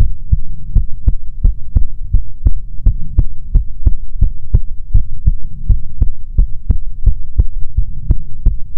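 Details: ASMR heartbeat recording: loud, regular low lub-dub thumps at about 85 beats a minute over a steady hum; a normal heartbeat.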